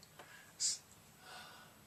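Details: An adult man with self-described Tourette syndrome since childhood, usually suppresses tics but here lets them out unsuppressed: a single abrupt, sharp hissing mouth noise, then a soft breath, a simple vocal tic.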